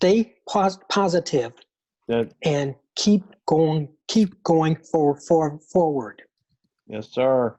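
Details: Man with aphasia answering questions about his support system; aphasia.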